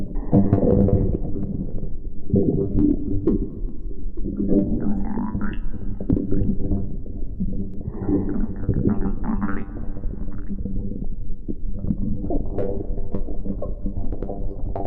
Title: stomach growling